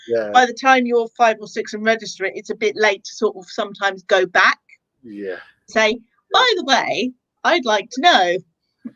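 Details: Adult woman speaking; ordinary speech.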